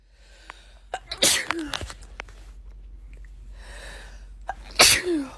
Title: Natural sneezes